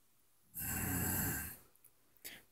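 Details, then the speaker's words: Two parents snoring in tandem while asleep: one long, low, rumbling breath lasting about a second, then quiet and the start of another. "that is the sound of our parents snoring in tandem I meant to get a video with them but then they fell asleep good night"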